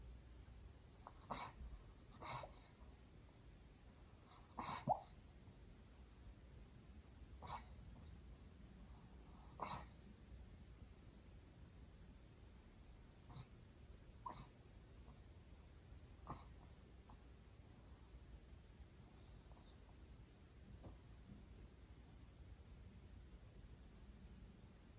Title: Life with a 12-year-old cockapoo: Dog has short and quick breathing? It is reverse sneeze!